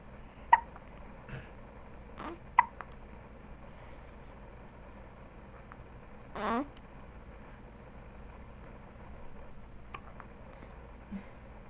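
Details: Newborn baby girl with hiccups, one of her first times outside the womb: a few short, abrupt gulping sounds at irregular intervals in a quiet room.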